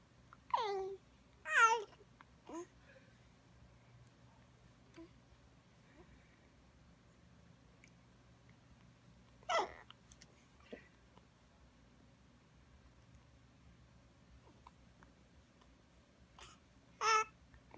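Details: Hiccups: short squeaky catches spaced several seconds apart, mixed with soft babbling in a quiet room.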